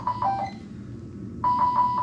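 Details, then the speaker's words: High-priority red alarm tones keep repeating from a Drager V500 adult ICU ventilator after part of the circuit pops off or disconnects. "so it's going to still red alarm but then you come in you're like okay what the heck just happened and you know something popped off at that time"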